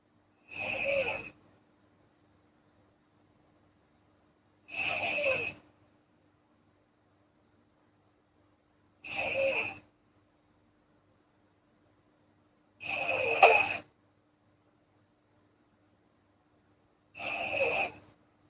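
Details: Light, hissy snoring in a girl: five brief snores at regular intervals, about 14 a minute, with silence between.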